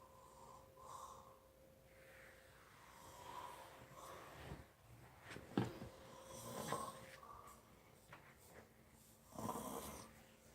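Irregular snoring and snorting breaths over soft room hum, loud sleep breathing noise.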